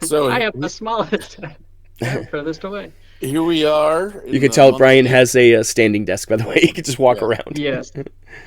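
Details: Adult male speaker; Normal speech.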